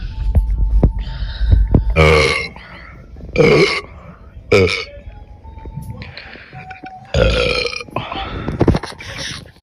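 Several loud, throaty burps at irregular intervals over faint background music; repeated belching.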